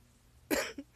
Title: Friggin Hiccups lmao